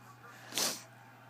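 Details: Single sharp, hissing sneeze over quiet room hum.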